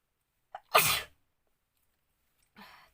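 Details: A sharp intake, then a single loud explosive sneeze and a softer breathy sound; ordinary sneeze during a pepper sneezing challenge.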